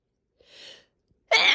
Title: Sneezing my heart out